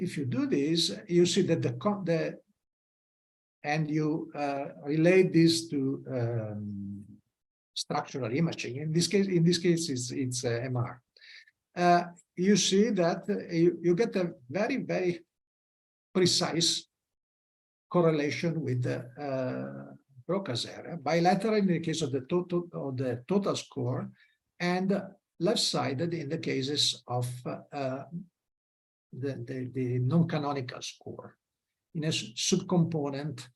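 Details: Adult man lecturing; normal speech.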